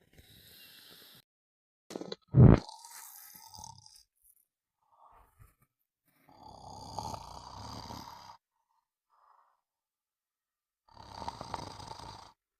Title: Sound of snoring for a good night sleep